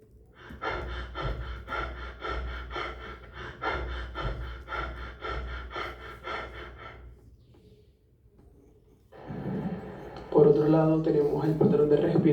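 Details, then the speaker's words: Demonstration of Biot respiration, the breathing seen after brain injury: a run of quick, even breaths stops abruptly into apnoea. The respiratory centre resumes only under a strong stimulus from high blood carbon dioxide. "cerebro normalmente controla la respiración, pero en caso de sufrir una lesión, el centro respiratorio será inhibido y solo comenzará a funcionar nuevamente en caso de un fuerte estímulo, y este estímulo serán los fuertes niveles de dióxido de carbono en sangre, y así es como suena."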